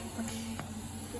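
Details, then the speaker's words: Suction practice in a training session: steady hiss and low motor hum of a suction unit running; it suctions when the catheter port is closed and stops when it is opened. "Kalau nutup gini dia bakal nyedot. Kalau buka gini enggak."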